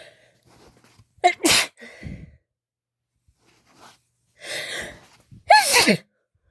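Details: Sneezing induced with chhinkni snuff: two forceful, wet-sounding sneezes, each with a sharp inhaled build-up and an explosive burst, in a quiet room.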